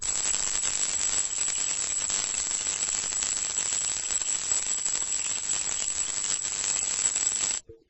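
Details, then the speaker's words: An isolated, amplified tinnitus-like high-pitched tone at around 8250 Hz, attributed by the speaker to interfering ELF/Schumann frequencies. "here is one of those tinnitus tones it's around 8250 8250 hertz and what i've done is isolate it and pump up the volume on it"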